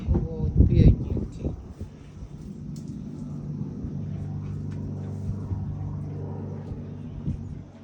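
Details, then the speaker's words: Horse coughing: one or two deep, forceful cough bursts, followed by a steady low musical drone. "Вот так мы кашляем."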